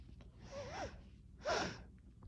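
Two quick sneezes, each a sharp voiced burst of air; a normal reflex.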